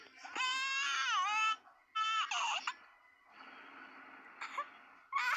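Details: Simulated infant cry from a game character: high-pitched wavering cry bursts broken by catches, then a softer whimper.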